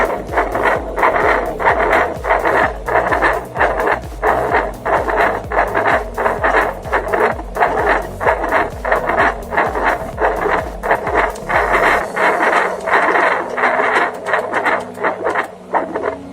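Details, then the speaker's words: Rhythmic whooshing pulses at about 90 a minute: an adult's own heartbeat picked up by a handheld pocket fetal Doppler placed over the chest in a demonstration, not a pregnancy. "मैं फिर से लगाऊंगा अपने हार्ट में, देखिए हार्ट का साउंड आ रहा है।"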